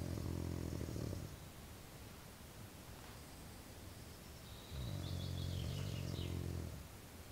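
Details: Snoring in a tent during military service (2012): two low, rattling snores about four seconds apart over steady background hiss; ordinary loud snoring in a sleeping adult.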